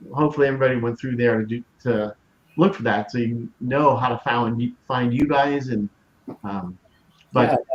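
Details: Aphasia after a severe stroke in 2020 in an adult woman, initially global aphasia affecting expressive speech, with ongoing word-finding difficulty.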